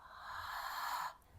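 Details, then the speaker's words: Ujjayi (ocean) breath in yoga: soft wave-like breathing sound made by contracting the throat at the glottis, with an open-mouth exhalation like fogging a window. "So Ujjayi breath sounds like this. And how we do achieve that? We achieve that, as I was saying, by contracting our throat."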